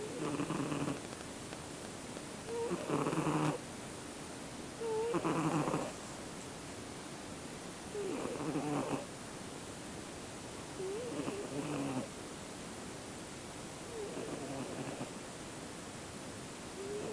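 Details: A sleeping male Siamese cat snores in slow, regular rumbling bursts separated by quiet pauses, about six breaths in the span. Snoring.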